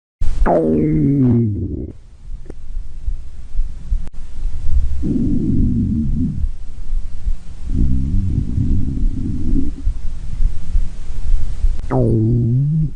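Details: Stomach growling (borborygmi): low, gurgling rumbles with sliding, groaning tones in several bursts.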